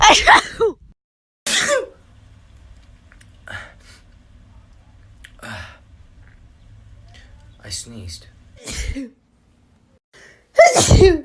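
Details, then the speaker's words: A person tries to make themselves sneeze within 15 seconds using a piece of grass; loud, sudden sneezes separated by quiet gaps, with light background music. "trying to make myself sneeze in less than 15 seconds with a piece of grass"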